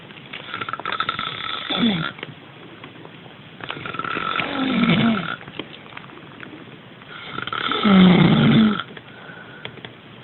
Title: Aryoskon - roncando